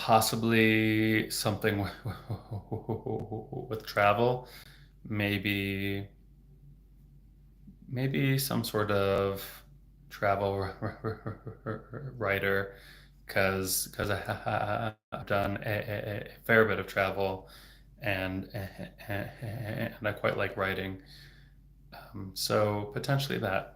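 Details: Adult man who has stuttered since age 8, a speech-language pathologist, stuttering openly with word repetitions; stuttering.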